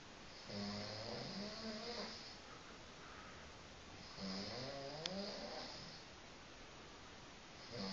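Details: Person snoring while asleep after a New Year's Eve party: slow, rhythmic voiced rumbling on each breath, about 17 breaths a minute, in a quiet room; snoring.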